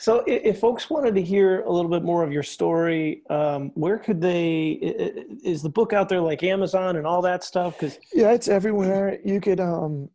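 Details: Adult speakers in an interview; ordinary conversational speech.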